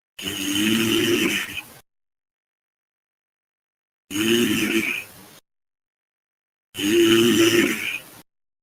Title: frying snoring sounds